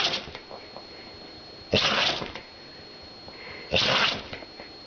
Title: sneezing dog